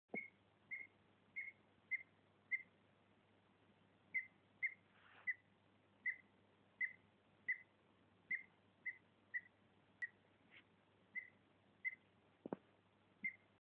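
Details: Pet rabbit hiccuping: about twenty brief, high, squeaky chirps at a steady pace of roughly 90 a minute, with one short pause, over quiet room noise.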